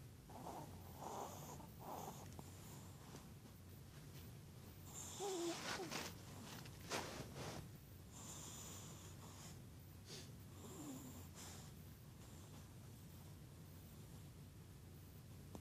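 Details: Female chihuahua snoring while asleep, possibly dreaming: soft irregular snorts and snuffling breaths with a few squeaky, whistling notes.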